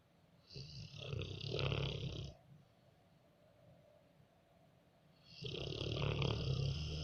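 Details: Snoring labeled "rott": two long rattling snores with low fluttering vibration, separated by a quiet pause, in a small room.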